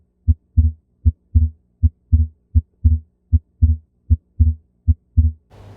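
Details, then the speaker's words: Split second heart sound, demonstrated for a cardiovascular exam: regular heartbeat near 80 a minute with a doubled S2 ("lub dub-dub"), two valve closures with one delayed. "فالسبلتين هو راح يكون كلوجر مال تو فالفز بس واحده منهن متاخره عن الثانيه"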